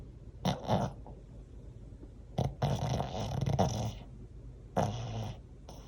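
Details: Snoring, likely from a dog: rough, rattling sleep breaths in irregular bursts with quiet gaps between them.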